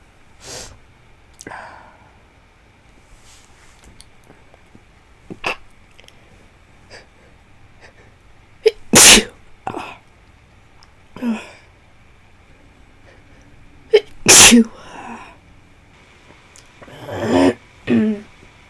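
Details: Recurrent forceful sneezing, about six over twenty seconds with sniffs and breaths between, in a feverish person who feels worse, with a more tickly nose.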